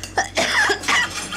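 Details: Waitress coughing after tasting greasy food, a quick run of short, harsh coughs with throat clearing; repeated cough.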